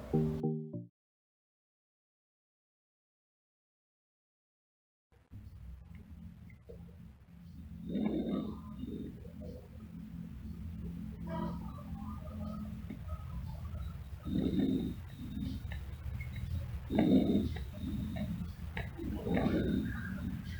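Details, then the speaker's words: Nursing tutorial example of auscultation: soft, low-pitched rushing breaths at about 20 a minute through a stethoscope, normal vesicular breath sounds. "suara vesikuler melemah kemungkinan adanya cairan udara jaringan padat pada organ pleura dan keadaan patologi paruh Berikut adalah contoh nafas vesikuler"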